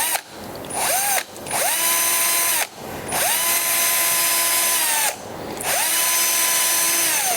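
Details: Surgical bone drilling in an orthopaedic skills and simulation lab: repeated high-pitched whining bursts from a power drill, pitch dropping under load, drilling through bone via a drill guide.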